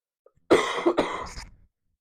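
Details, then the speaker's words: An adult livestreamer, described as sounding really sick with something in his lungs, gives a harsh two-part cough, the second burst trailing off into a rough exhale, fitting a productive cough. ">> It's just It's just a flame I have in my in my lungs. [cough] That's the biggest problem right now."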